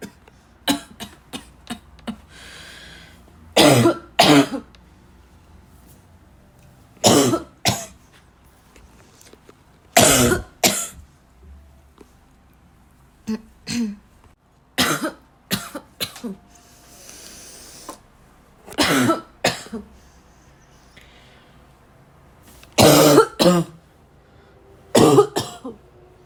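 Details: Repeated harsh, dry barking coughs, mostly in pairs, from a girl, with throat clearing and snorts in a quiet room.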